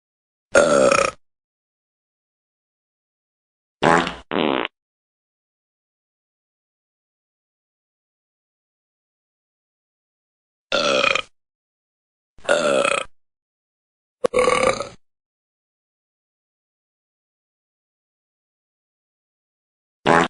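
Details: About six short, voiced belch-like bursts separated by silence from two friends, a Korat cat and a burping buddy; repeated burping.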